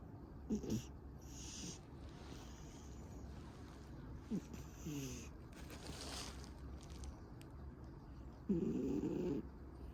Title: 고양이 코골이 | Snoring Cat